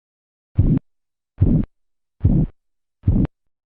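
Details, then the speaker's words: Phase 2 Korotkoff sounds during blood pressure measurement: four regular, low, swishing murmur-like beats at about 72 a minute, heard between systolic and diastolic pressure. "Suara korotkoff kedua adalah suara murmur yang terdengar antara tekanan sistolik dan diastolik tahap ini menunjukkan karakteristik bunyi yang mendesir"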